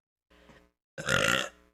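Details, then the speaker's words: Someone who has hiccups and keeps burping, describing a "hiccup burp": a soft low burp followed by a long, loud, rumbling one; ordinary deep belching (eructation). "Excuse me. And like, I'm burping still. I just hiccup burped."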